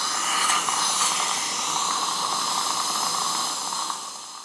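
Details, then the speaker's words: Dental implant drill during implant placement guided by X-Guide dynamic navigation with two cameras tracking the handpiece against a CT scan plan: steady high-pitched hissing whine running throughout, fading slightly at the end. "I can see the position of my drill against the soft tissue and its distance from the bone I can see my angulation check that I'm drilling in the same position of that pre-planned or my TTX software"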